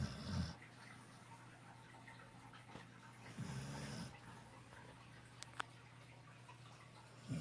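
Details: Dog napping with its face in the sun, snoring: low, soft snoring breaths, a few snores over several seconds, low background hum.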